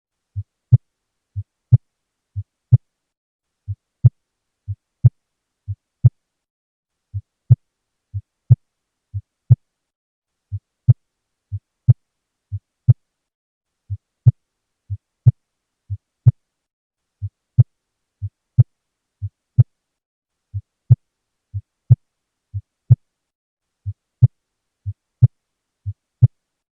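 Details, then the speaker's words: Regular heartbeat near 60 a minute, heard with stethoscope, with a quiet first sound and a louder second sound: soft first heart sound (S1). "This is the voice of Soft First Heart Sound"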